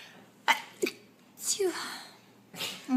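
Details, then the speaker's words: Young woman sneezing in the morning just after waking; she says she is very sneezy and seems to be getting a cold. Quick sharp bursts followed by a longer breathy explosive sneeze with a voiced tail. "oh no I have to sneeze get away from this sneeze of creas monohydrate hold on I have to"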